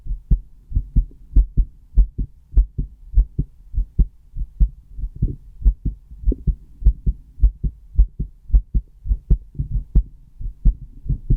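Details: Normal heartbeat.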